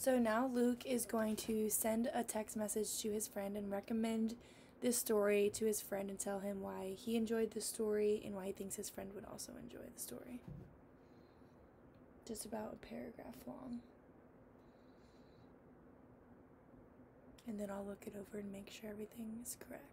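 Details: Adult woman, clinician; normal speech.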